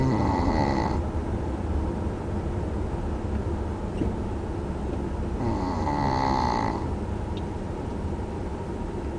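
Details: Tired after a tough day on a boat: two long, rumbling snores over constant engine or wind noise; snoring.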